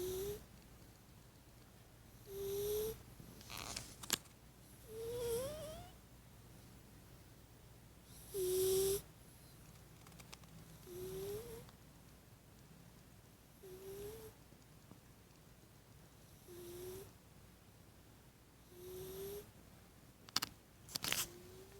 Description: sometimes my cat snores